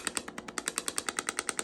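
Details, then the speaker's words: Rapid, sharp, regular clacking pulses, about ten per second, from a radial shockwave therapy device applied to soft tissue during treatment for pain. "so you hear that sound that's our chock wavs going into the body"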